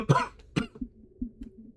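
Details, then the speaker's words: Two short, harsh coughs then quiet throat noises from a streamer with a cold expected to last weeks, cough worsening with talking; lingering cough from a cold. "think it really kicks up the more I talk. So the amount of streaming I do probably doesn't help my situation"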